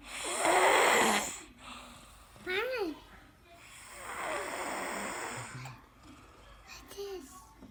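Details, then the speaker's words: Sleeping child snoring loudly with rough breaths, a snort and some voiced sounds between them, in a small room: snoring. "You're fine asleep. You're sleeping. You're sawing wood over here."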